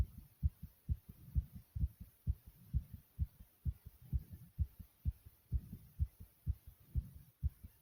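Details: Person's own heartbeat recorded beating very fast: fast, regular, thumping heartbeat at about 130 beats a minute; rapid heartbeat (tachycardia).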